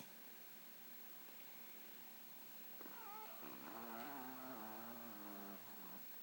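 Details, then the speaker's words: Raspy, wavering snoring rumble during a breath over steady hiss from GinGin, a 4-pound female Shih Tzu, loud for her size; snoring. "snoring? You making all that noise, you little tiny dog?"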